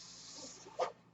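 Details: Speaker's own mechanical ventilator heard during a podcast recording: a soft, steady airy hiss with one brief louder puff near the end.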